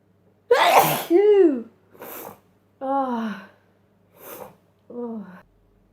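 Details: Sneezing compilation clip: several sneezes in quick succession, each a sharp burst followed by a voiced sigh or gasp.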